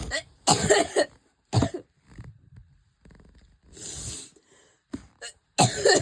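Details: An adult has a coughing fit, coughing hard and repeatedly with strained breaths and gasps between bursts.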